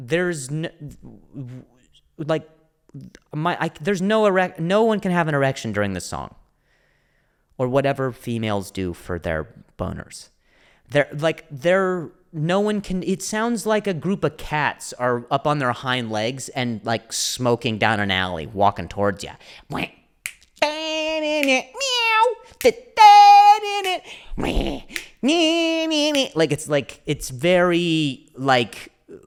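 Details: Adult male comedian with a stutter (speech impediment), speaking spontaneously on his solo podcast; stuttering.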